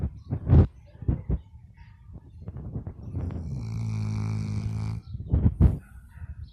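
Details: A Labrador dog snoring.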